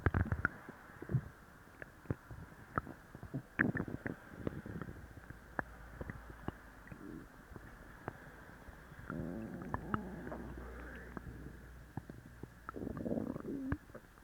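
Soft, irregular gurgles and rumbles over faint background noise: active stomach and bowel sounds after taking a laxative.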